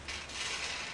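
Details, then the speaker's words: Endotracheal suctioning demonstration on a ventilated patient with sterile technique; brief rushing hiss of vacuum suction clearing the tubing after withdrawing the catheter. "twisting and turning as i come out i'm going to go ahead and clear my tubing again"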